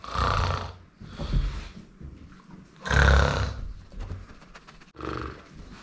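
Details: A person imitating snoring for a German Shepherd dog: loud, rough, rattling breaths mixed with the dog's sounds.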